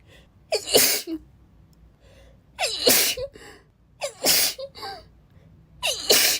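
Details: Girl's sneezing fit during a read-aloud: four sharp sneezes in quick succession, each with a quick indrawn breath before the burst.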